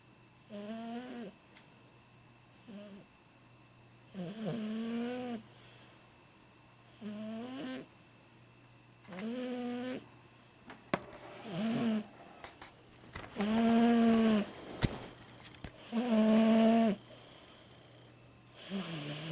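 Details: 17-year-old Siamese cat asleep: rhythmic snores on both inhalation and exhalation, nasal buzzing tone, roughly 24 sounds a minute with quiet room hum; cat snoring.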